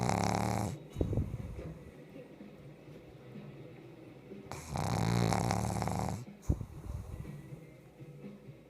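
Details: Pug snoring in her sleep: two loud, rattling, fluttering snores, each about two seconds long, separated by quieter breathing with a few snorts.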